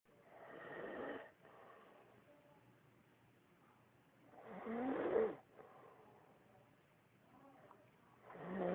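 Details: Rough, rattling snores on each breath in from a man deeply asleep, about three in nine seconds with quiet pauses between; ordinary snoring.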